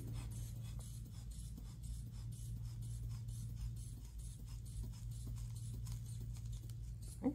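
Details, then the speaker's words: Manual blood pressure demonstration on an assistant: a sphygmomanometer cuff is pumped up to about 160 with steady rhythmic squeezes and puffs of air over a low room hum. "all right we're going to inflate it to about 160 so here we go you'll see the needle"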